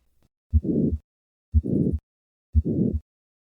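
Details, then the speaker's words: Hypertrophic cardiomyopathy murmur recorded at the fourth left intercostal space: three beats at about 60 a minute, each with a loud rumbling systolic murmur between the heart sounds, radiating widely across the precordium. "this systolic murmur which radiates widely across the precordium is typical of hypertrophic cardiomyopathy"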